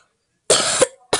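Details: A single harsh cough burst and the start of another from someone who has been sick for days, feels tired, and has just thrown up, in a quiet room.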